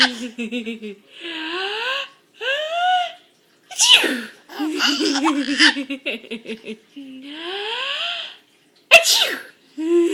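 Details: A baby a day short of five months old laughs at his mother's sneezing: two sharp, explosive sneezes between bursts of the baby's giggling and laughter; ordinary sneezing.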